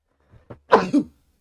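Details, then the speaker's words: An adult man (a dad) sneezing during a live game stream: a couple of quick indrawn breaths, then a loud, forceful two-part burst of air, a big sneeze. "bless you bless you bless thank you thank you with the dad's sneeze thank you that sounded like you threw up a lung"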